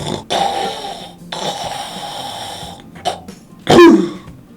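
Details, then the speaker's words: Human snoring played as an example of typical snoring sound, presented in a talk on snoring and the facial types linked to it. "이 소리는 사람들이 다 코골이 소리 라고 하죠"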